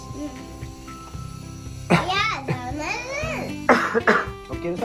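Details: Young girls, ill with a cold that would not go away, had a barking cough all night before a clinic visit; a child gives a few harsh, hoarse cough bursts, typical of an irritated upper airway.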